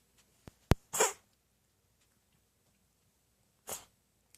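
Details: Possibly a cat's sneezes: two short, sharp bursts of air about three seconds apart, with small clicks before them, in a quiet room; owner wonders about allergy, a hairball, or a dry throat from sleeping upside down.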